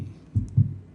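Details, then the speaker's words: Normal heart sounds in a teaching demonstration: first sound (lub) from atrioventricular valve closure as the ventricles contract, second sound (dub) from semilunar valve closure. "The ventricles are contracting. These are slamming shut to keep blood from going back up into there. That's the first sound of the cardiac cycle, first heart sound. It's actually called the lub."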